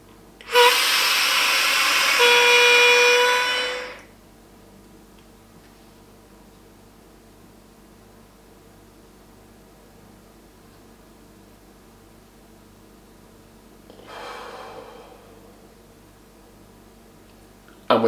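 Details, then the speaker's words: Simulated demonstration by a GP of a dry powder inhaler. A loud rasping whistle lasts about three seconds as air is breathed in as fast and deep as possible, then a softer breath. The noise shows the dose is being inhaled. "this inhaler, as you heard when I was breathing in, when it made that noise, that is actually what you want to hear as it means they're getting the dose in."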